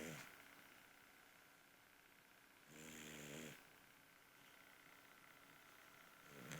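Quiet room with one soft, fluttering snore on inhalation and a faint second one at the end; snoring from a dog.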